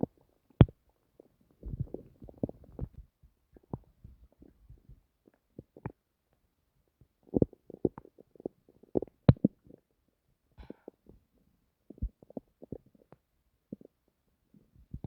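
Irregular gurgles, squelches and bubbling pops in a quiet room; ordinary active bowel sounds from the stomach.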